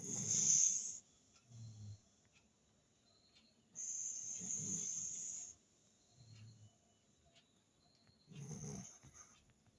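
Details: Soft, rhythmic, raspy snoring breaths with a steady high background hiss, from a mother dog napping in deep sleep; snoring.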